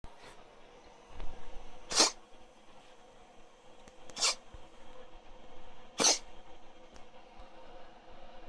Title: Poor Kitty having a Cough, other cat concerned